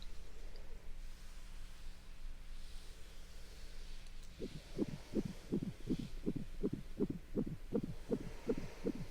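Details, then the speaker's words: Role-played prenatal visit, likely simulated, with a patient worried about a high-risk pregnancy: an abdominal ultrasound with gel and wand gives a soft hum, then rapid regular whooshing beats at about 160 a minute. The fetal heartbeat is called normal, measurements good, and no red flags seen. "And there's baby. Good measurements. Nice heartbeat."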